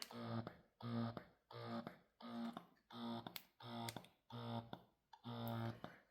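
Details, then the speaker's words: Momcozy Air 1 wearable breast pump in manual stimulation mode: short, quick, sharp suction cycles, about 86 a minute, each a humming pulse with a sharp release. "So this is your short sharp suctions. This is your stimulation."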